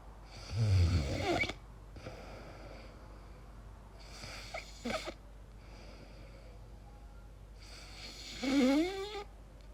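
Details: Person asleep, self-recorded, possible sleep apnea queried: loud rattling snores separated by quiet pauses, with softer snorting and gasping breaths between; irregular snoring with strange noises.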